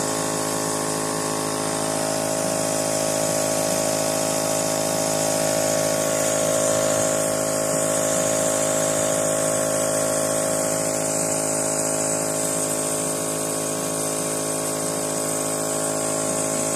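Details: Steady mechanical hum and buzz of a nebulizer compressor running without pause, used for an asthma attack; no breathing sounds stand out.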